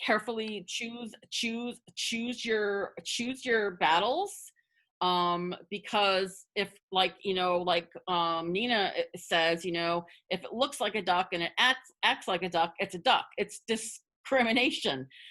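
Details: Adult person who stutters, speaking spontaneously as a webinar panelist, with audible word repetitions; stuttering.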